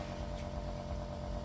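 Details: Nebulizer running during treatment of a vervet monkey at a sanctuary amid a serious respiratory virus outbreak; nebulizer.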